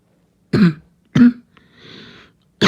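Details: Child with short, harsh, low coughs and a raspy breath between them. Barking cough.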